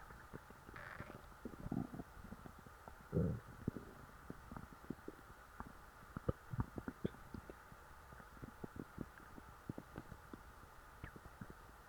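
Quiet recording of many small gurgles, pops and clicks with a few louder rumbles; bowel sounds from a full stomach, normal digestion.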